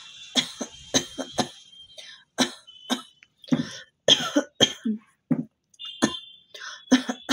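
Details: Real cough from a cold in a woman doing a requested cough challenge: a run of short, harsh cough bursts with throat clearing in a quiet room.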